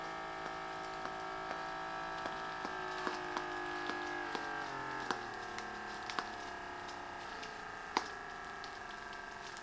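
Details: Silvercrest SBM 70 upper-arm blood pressure monitor: steady whirring pump motor with small ticking valve clicks and shifting pitch as the cuff inflates during a test reading of systolic, diastolic pressure and pulse.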